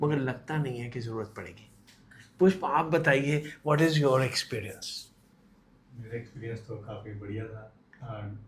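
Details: Adult speakers in conversation, likely two; ordinary conversational speech.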